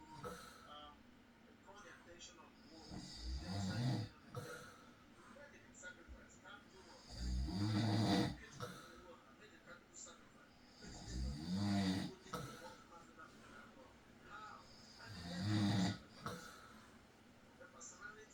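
Rhythmic low rumbling snores on each breath in, about 15 breaths a minute, with soft room noise between them. Ordinary snoring.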